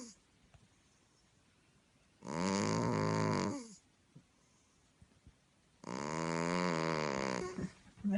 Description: Funny clip of my human sounding snoring cat